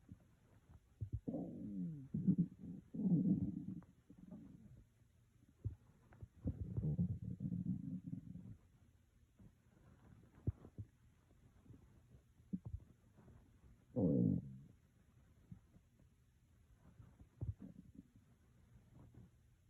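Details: Adult hungry after skipping breakfast, sitting at a work desk: loud, low gurgling stomach rumbles in bursts with quieter gaps, near-nonstop hunger growling (borborygmi).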